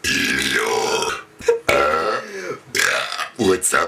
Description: a friend of mine and i.. while we are enjoying our burps :D i hope you enjoy them to^^ :D